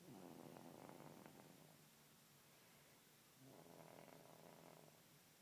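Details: Two soft, rattling breath sounds separated by a quiet pause, with a fluttering, purr-like quality; gentle snoring during sleep.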